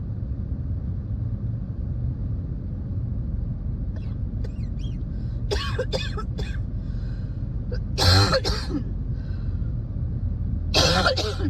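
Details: Adult coughing while driving at night during a spring cold, in its later, milder stage. Clustered bursts of harsh coughing over steady car engine rumble: a coughing fit.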